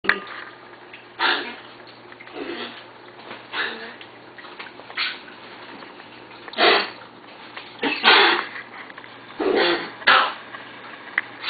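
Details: Foster dog that has developed a cough: about eight harsh, breathy cough bursts at irregular intervals in a small room.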